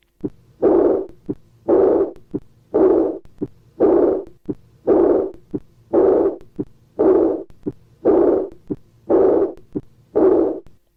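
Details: Early diastolic murmur of aortic regurgitation: regular heartbeat near 57 a minute, each short sound followed by a long, high-pitched blowing murmur.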